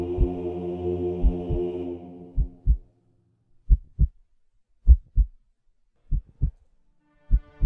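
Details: Paired low heartbeat thumps, about 50 per minute, as music fades out; a heartbeat sound effect in a music mix, not a recorded patient.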